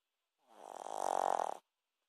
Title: Shih Tzu snoring